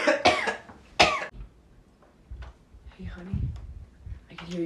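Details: Two sharp, forceful acted coughs in quick succession while trying to sleep, then quieter breathy sounds and faint room noise: simulated dry cough.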